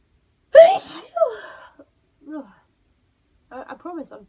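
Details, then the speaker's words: Sharp voiced bursts, then several smaller muffled, held-back sneezes in a quiet room from a person coming off the end of a cold, deliberately trying to suppress them; stifled sneezes. "trying not to sneeze, but it's not going well for me at the minute. I am giving it a big go even though it probably doesn't seem I like it."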